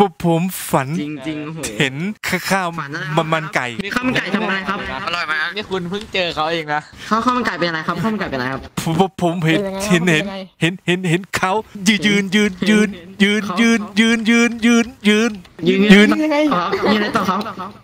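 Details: Imitated stuttering: a male player deliberately fakes a stutter as a prank while chatting in VRChat; this is not a real disorder.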